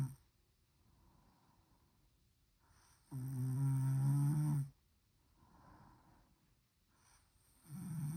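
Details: Loud, droning inhaled snores from someone asleep at home, about every four to five seconds, with quieter breaths out between them; snoring.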